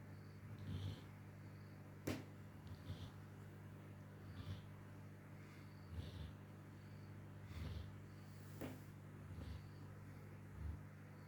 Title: snoring moto